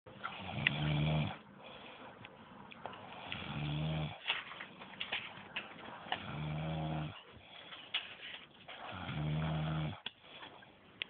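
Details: A woman sleeping in a hotel room snores with deep, rumbling snores about every two and a half seconds, roughly 21 breaths a minute, with light room noise.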